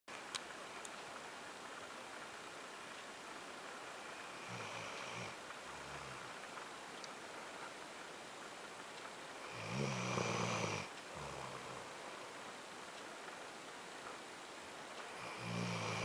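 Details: Meggie, a dog asleep in bed in the morning: three rough, rumbling snores with a hissing edge, about every five to six seconds, over steady background noise; snoring.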